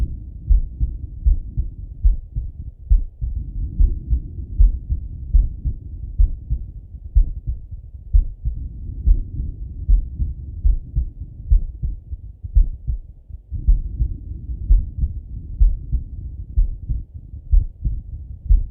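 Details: Male lying on his left side, heart heard through a stethoscope: muffled, regular low thumps with rustling stethoscope noise; heart sounds.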